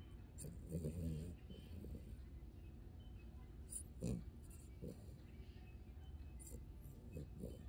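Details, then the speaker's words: Sye snoring "like a human" or "a little old man" in sleep: low, rumbling snore-like breaths repeating over several seconds, with quiet background noise; snoring. "You like a little old man. You snoring."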